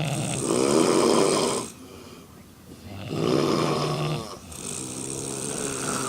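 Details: Four adult women, drunk, asleep in a hotel room: loud, rough snores with pauses between breaths from more than one sleeper, ordinary snoring.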